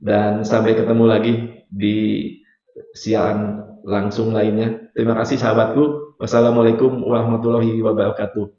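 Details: Adult man, a hypnotherapist, lecturer and motivator, unable to pronounce R clearly (cadel) since childhood; rhotacism.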